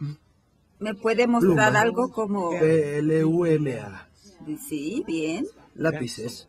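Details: 58-year-old right-handed woman with logopenic variant primary progressive aphasia, symptom onset 4 years earlier, describing a picture; intermediate fluency, slow but not effortful, occasional phonological errors, no motor speech errors or agrammatism; logopenic variant primary progressive aphasia.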